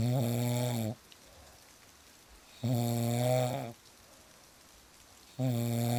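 Loud, deep rattling snores on each inward breath, about two in six seconds, with quiet gaps between and soft rain in the background.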